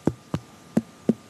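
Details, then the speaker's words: Doctor's percussion of the stomach area during a traditional Chinese medicine abdominal exam: two crisp taps give a loud, hollow note, some air, probably hunger, not yet bloating; tympanic abdominal percussion note. "它其实吼，就是这边有点空气的声音啊，应该是肚子饿了，啊，还没有到胀气的表现这样子。"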